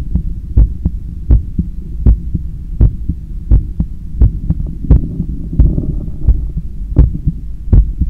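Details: Own heart sounds by stethoscope after a 10 km run, lying on a daybed leaning on left side while controlling breathing; regular low lub-dub about 86/min over steady hum; normal heart sounds after exercise.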